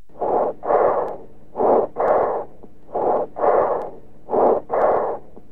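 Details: Educational auscultation recording of bronchial breath sounds: loud, high-pitched, blowing breath sounds in both inspiration and expiration, with a brief gap between the two phases.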